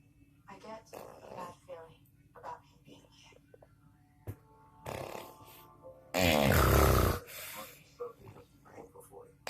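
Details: Husband snoring: one loud, coarse, rattling snore among softer breathing noises and faint talk in the room.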